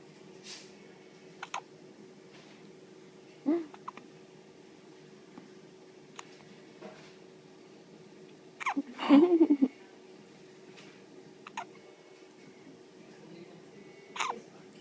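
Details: Young child's hiccups: three sharp, abrupt hiccup sounds about five seconds apart in a quiet room, with faint clicks between them; ordinary hiccups.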